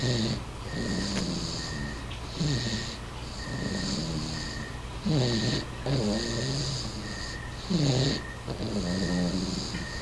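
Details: Seven-month-old infant snoring while asleep: repeated vibrating snores on each breath over a faint steady background hum.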